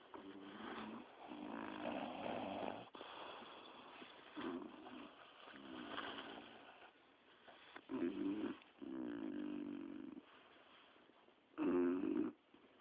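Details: Rough, rattling snores at irregular intervals, about 16 a minute, from more than one sleeper lounging on a sofa, some louder and closer than others.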